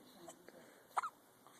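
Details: Hiccups in a young boy: a single abrupt throat catch with a brief voiced gulp over quiet room noise, typical of a hiccup.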